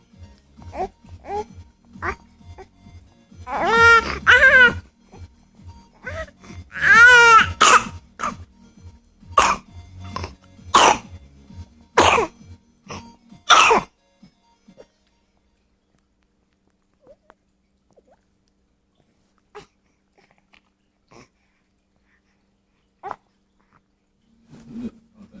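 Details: Dog gives a run of short harsh coughs mixed with drawn-out, whining "talking" vocalizations; cough.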